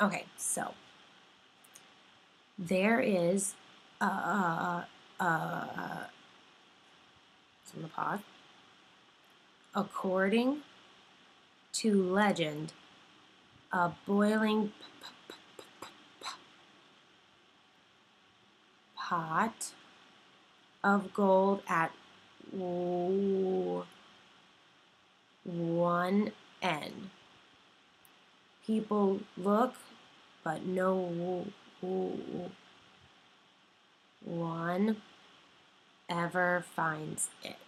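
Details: Simulated stuttering by a clinician-in-training reading the Rainbow Passage, with three moments of repetition, blocking and prolongation; stuttering (simulated).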